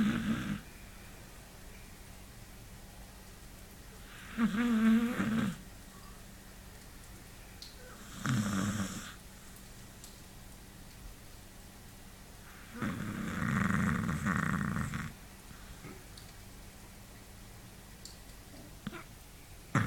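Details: Beagle dog snoring unusually loud and long while asleep: loud rattling snores every few seconds, four in twenty seconds, over steady room noise; snoring.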